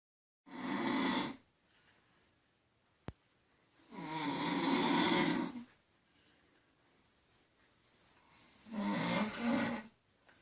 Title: My wife snoring